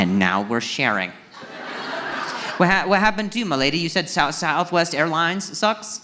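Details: Acquired neurological stuttering in an adult male who began stuttering at age 20 after a softball struck his throat, with initial loss of speech; finding: stuttering.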